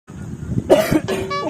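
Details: An adult man gives two harsh, forced coughs, acted for a comedy skit about a cough and cold that medicines have not helped.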